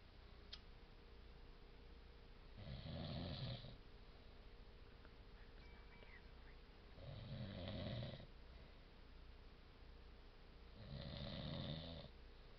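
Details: Adult snoring: three rough, rumbling snores about four seconds apart, roughly 14 breaths a minute, with quiet gaps between.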